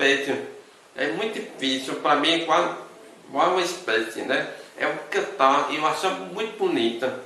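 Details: Man with hearing loss since birth; deaf speech.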